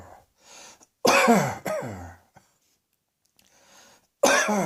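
Two loud, harsh cough bursts close together, then a third after a pause, with faint breathing between; plain repeated coughing.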